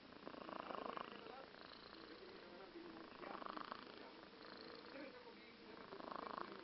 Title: Snoring Cat